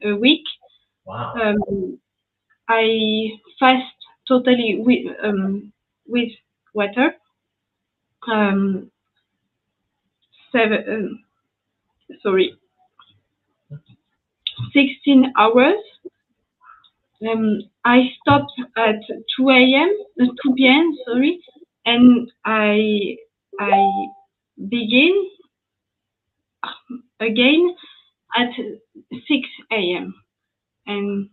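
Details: Woman with post-stroke aphasia after an ischemic stroke at age 22 in July 2011; she was mute for 10 days, spent a year in a rehabilitation centre, then spoke very badly even in her native French; lasting language difficulty.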